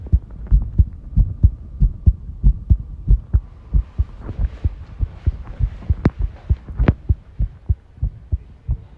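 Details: Heart sounds recorded while tidying a room, arrhythmia noted: low heartbeats at roughly 90 a minute with uneven spacing, some background clatter; irregular rhythm.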